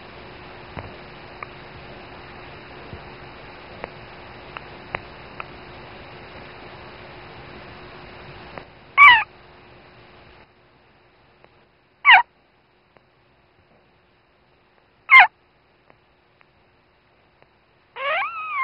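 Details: Newborn female dachshund puppy, her mother's first pup: brief high-pitched squeaks every few seconds after a stretch of faint hiss; normal newborn puppy squeaks and cries.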